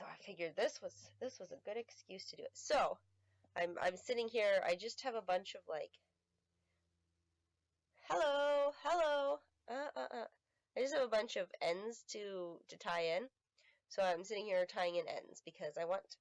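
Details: Adult woman with self-identified Tourette syndrome, not confirmed by a neurologist (atypical case), with repeated interjected "hello hello"; vocal tics (Tourette syndrome).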